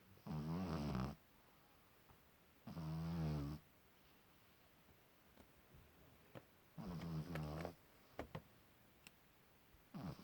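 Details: Baby pug (small dog) snoring: three deep, rumbling snores about a second long, spaced several seconds apart, in a quiet room; loud snoring.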